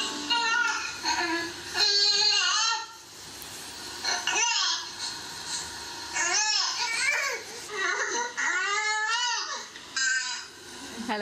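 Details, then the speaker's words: Cries of several different infants, played to parents in a maternity workshop on decoding cries: short fussy cries rising and falling, with early 'neh'-like onsets, made with the tongue on the palate, before full screaming. "Alors, si vous voulez bien, je vais vous faire écouter les pleurs, donc écoutez-les bien attentivement. Il y aura plusieurs bébés différents."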